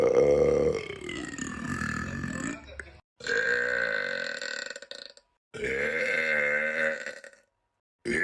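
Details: Burp compilation: three long, loud, rumbling voiced belches, each about two seconds, separated by brief silences; burping.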